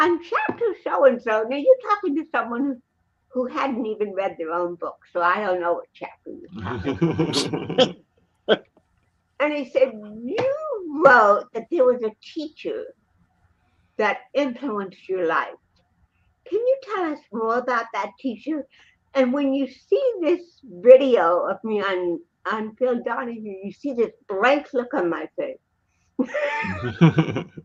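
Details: Dysarthria in a woman with cerebral palsy present since birth in 1956; real, not acted, conversational speech.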